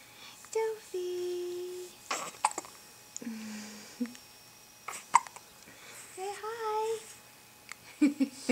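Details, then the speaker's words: 2-week-old baby girl, awake and stretching, with hiccups: small, sharp, squeaky hiccups recurring between soft coos and grunts in a quiet room. "Hi, sweetie. My little hiccup girl."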